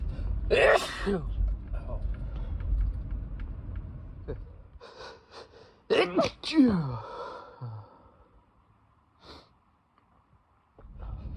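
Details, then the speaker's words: Person with a cold, congested and runny nose, sneezing repeatedly: two loud, strong let-out explosive sneezes, each with a sharp intake before the burst. "congested running nose won't stop and I just keep sneezing over over and over again the tickle like never goes away"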